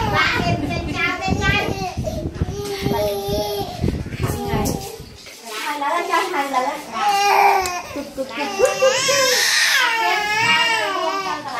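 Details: Loud, sustained wailing with rising and falling pitch and short gasps between cries, from a 9-month-old baby getting an injection, while adults talk nearby; distressed infant crying.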